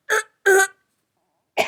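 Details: A woman with allergies and a headache gives a single short, voiced cough, followed after a pause by a brief vocal sound, in a quiet small room.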